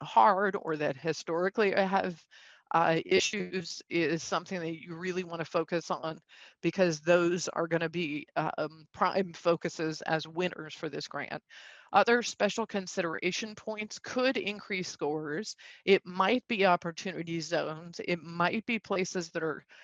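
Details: Man with spasmodic dysphonia, a neurological vocal cord disorder he says acts up; diagnosed a couple of years after 2001 through a telemedicine consult; he also has Duane syndrome, a neurological eye disorder; spasmodic dysphonia.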